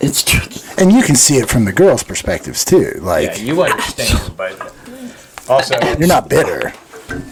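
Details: Adult speaker; typical speech.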